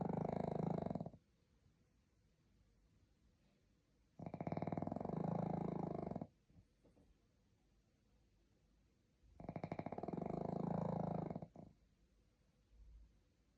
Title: The pug is sleeping 😴 #snore #pug #dog #shorts #animals